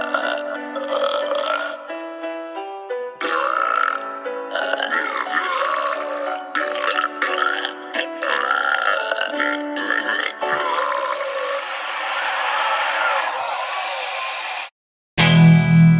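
Long run of repeated, drawn-out voiced burps, one after another, with a brief loud ending.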